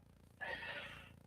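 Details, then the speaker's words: A single rough, noisy breath rises from near-silence and fades over about a second: a tiny dog snoring in its sleep. "I don't know if you can hear him, but this tiny dog is snoring like a dang bull frog."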